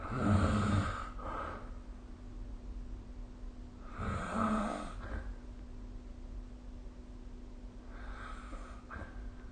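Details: Snoring recorded with the SnoreLab phone app: rough, rattling in-breath snores about one every four seconds, fading between breaths, over a faint steady room hum.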